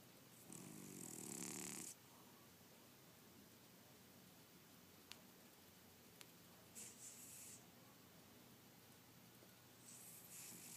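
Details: Sleeping cat: soft, rasping sleep breaths in quiet room noise, with a longer snore followed by fainter ones several seconds apart; snoring.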